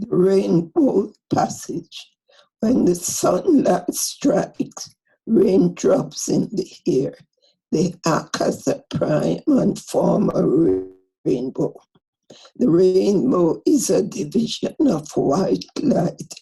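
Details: Adductor spasmodic dysphonia in a female patient reading the Rainbow Passage: involuntary, painless, very strained, strangled, squeezed voice from task-specific spasm during speaking.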